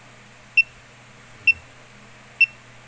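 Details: Fingertip pulse oximeter on an older man's (father's) finger reading SpO2 96% and pulse 65–66: pulse beeps, described as a good, normal result.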